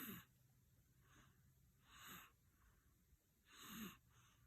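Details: Young dog ("baby GD", puppy) fell asleep on the owner's lap during a morning feed, snoring with eyes open: four short, hissy, snorting breaths in quick succession, noisy breathing in sleep.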